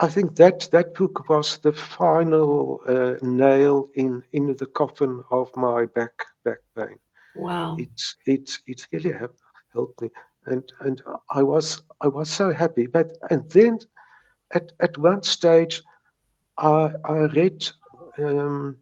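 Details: Stuttering since age three in a man in his 70s, with mild speech blocks that persist.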